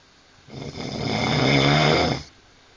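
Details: One long, loud, rattling snore on a breath in, lasting nearly two seconds, from a compilation of several men's snoring recordings; heavy snoring.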